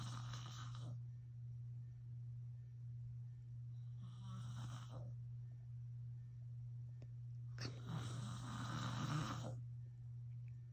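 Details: Adult man (father) snoring during sleep: three rough snores about every three to four seconds, roughly 16 breaths a minute, over a steady low electrical hum.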